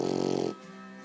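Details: Snoring from a 14-week-old female black Labrador puppy asleep: a brief buzzing, fluttery rattle fading to quiet, with soft music in the background.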